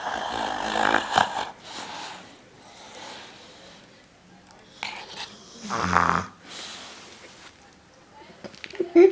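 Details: Ca de bou (rare breed) dog in very deep sleep, snoring with rough, rattling snores and quieter breaths between; tongue being gently pulled out during sleep.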